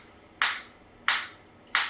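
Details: Focused (not radial) shockwave therapy applicator fires sharp snapping single-shot pulses, three in under two seconds, each fading fast. It is held on the operator's hand while parameters are varied, as a musculoskeletal rehabilitation device demonstration.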